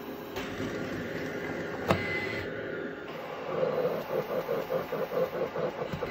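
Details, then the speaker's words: Cough assist (mechanical insufflation-exsufflation) in a quadriplegic with spinal cord injury and tracheostomy: rhythmic machine cycles of inhale, exhale and pause, caregiver popping the circuit off during exhale to clear mucus, alongside suction. "so you see it's a cycle of breath inhale exhale so there's a inhale exhale and a Bhalla and she's popping it off during the exhale"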